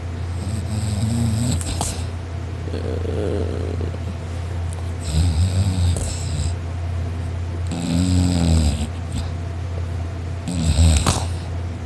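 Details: Person asleep on a couch, napping, snoring loudly "like a chainsaw" and drooling, sore throat afterward: loud, low, rattling snores on each in-breath, about every two and a half seconds, over room hum.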